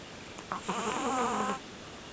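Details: A Siamese cat sleeping in the dark around 10 pm gives one loud, rattling, throaty snore of about a second, like an older man's, in a quiet room.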